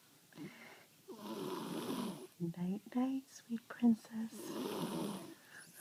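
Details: Loud snoring from a sleeping girl: two long, rough snoring breaths with short voiced snorts and quiet whispering between them.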